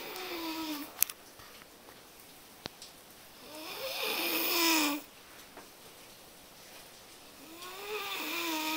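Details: A person snoring in sleep at 2, reportedly loudly for the past two hours: rasping snores on each in-breath, about 15 a minute, with a few faint clicks in a quiet room.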